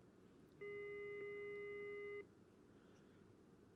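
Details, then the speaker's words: Prototype hands-free electrolarynx worn around the neck, demonstrated: the motor activates when the sensors deviate too far from their original position, with potentiometers changing pitch; a steady mid-pitched electronic buzz lasting about 1.5 seconds. "when the sensors are deviate too far from the original position it activates the motor and then using the potentiometers you can change the pitch"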